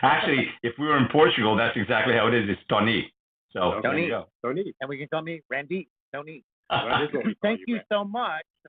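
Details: Adult male speakers in conversation; normal voice.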